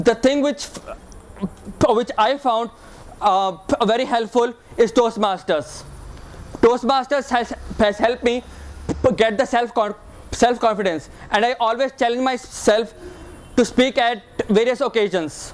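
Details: Woman who describes herself as a person with stammering, with word repetitions during a short presentation; stuttering.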